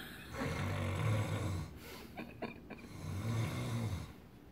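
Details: Acted snoring imitation by an adult lying down while testing an anti-snoring device: two long, low rumbling snores with a few soft clicks between them.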